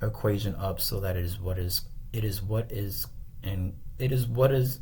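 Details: Adult male tutor with self-reported ADHD repeats phrases while trying to say a term, then apologizes for his stuttering; stuttering (phrase repetitions).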